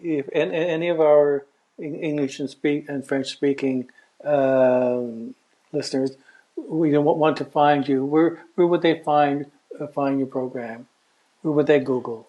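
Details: Adult man, a self-described person who stutters, with word repetitions: stuttering.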